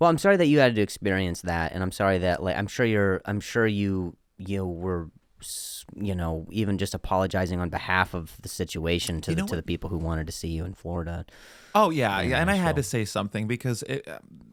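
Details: Comedian who stutters, speaking in a podcast conversation; stuttering.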